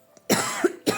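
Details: Two abrupt cough bursts from an adult woman who says she has a cold and lost her voice, the first longer and partly voiced, the second cut off.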